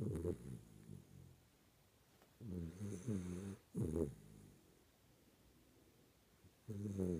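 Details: Snoring in a sleeping Schnauzer dog: rough, fluttering snorts and snores, several in quick succession with short pauses between; loud snoring.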